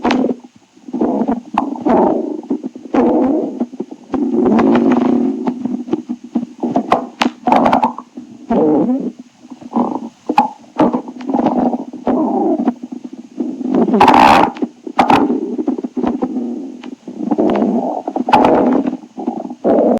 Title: Stomach growling tribute 6